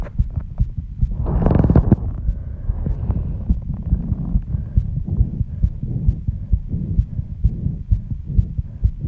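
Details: Fast, regular, pounding heartbeat at 134 bpm after intense exercise, with heavy breathing and a brief early rustle; loud enough to hear without the microphone at first. Sinus tachycardia after exercise.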